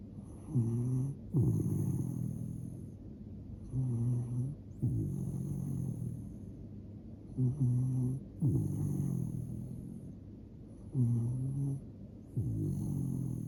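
Repeated rough, low snoring sounds on each breath, roughly 17 breaths a minute, from a sleeping dog.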